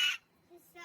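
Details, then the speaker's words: An adult woman with bad hiccup-burps that she says hurt her chest and lungs: a single abrupt, high, shrill, squawk-like burst likened to a pterodactyl, then quiet; hiccup. "who else thinks I sound like a terter because uh our daughter thinks I sound like a pterodactyl hubby AKA D says I sound like a pterodactyl"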